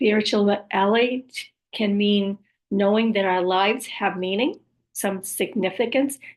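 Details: Woman after a stroke with aphasia, apraxia of speech and other communication challenges: aphasia with apraxia of speech.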